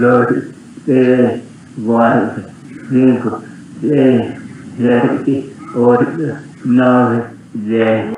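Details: Adult male speaker; Rough (hoarse) voice.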